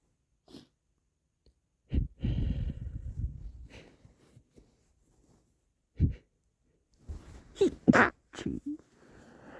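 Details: Stifled, muffled sneezes with sharp bursts, lots of wet sniffling and a sniffly in-breath, then a louder, partly held-back sneeze; sneezing.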